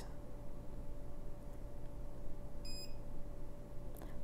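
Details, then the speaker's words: Dental curing light beeping twice to signal the end of a 20-second cure of packable composite on tooth number 10 (class 4 preparation), during an assistant's composite procedure demonstration: a short electronic beep over steady low room hum. "So for this one, we have to wait for 2 beeps on our curing light."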